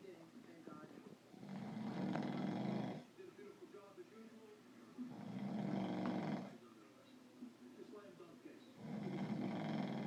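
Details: Heavy snoring: loud, rough, rattling snores on each breath in, about every three to four seconds, with quieter breathing out between them.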